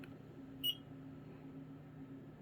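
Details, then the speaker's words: One brief high beep at power-on, the self-test tone of a faulty Gemini PC-1 infusion pump with battery removed, over low room hum; followed by internal/battery error. "Does self-test beep. Help internal error, and it's going to be help battery."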